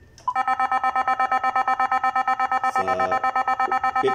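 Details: Nihon Kohden Cardiolife defibrillator alarm triggered by an expired battery: rapid, steady electronic beeping, close to three beeps a second.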